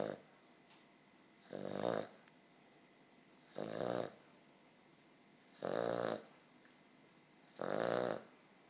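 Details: Dog (puppy) snoring during sleep: four loud, rumbling, fluttering snores about two seconds apart, roughly 30 breaths a minute, with quiet between them.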